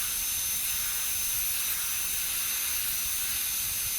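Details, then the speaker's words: Air-driven high-speed dental handpiece, bur held almost straight on the mesial aspect of a primary molar on a typodont model, doing proximal reduction for stainless steel crown preparation: a steady high-pitched whine with hiss. "So as you can see, I am placing the burr almost straight on the mesial aspect of the molar."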